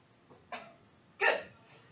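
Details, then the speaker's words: Two short cough bursts, the second louder, during a manually assisted cough with an abdominal squeeze below the ribcage at full exhalation, lying supine; simulated 48-year-old female with T7 spinal cord injury, bilateral pneumonia, and ineffective cough. "On when you fully exhale your breath, I'm going to just give you a little squeeze so that you can cough."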